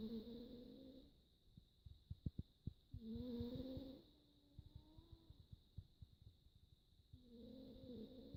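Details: Snoring from a contented, sleeping cat.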